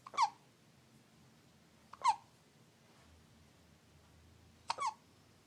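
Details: Infant girl's hiccups, which occur every time she eats: three sharp, brief squeaky hiccups about two seconds apart in a quiet room.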